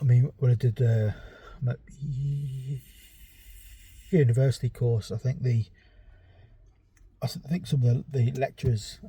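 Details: Adult male with ADHD and a self-reported stammer; stuttering.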